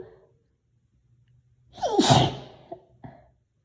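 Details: Induced (not natural) loud, high-pitched "girly" sneeze: a sharp intake of breath, then one loud sneeze followed by a couple of small sniffs; sneezing.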